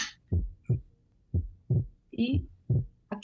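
Slow, regular paired heart sounds near 57 a minute, with brief voice-like overlay; physiological splitting of the second sound, clearer on breathing in.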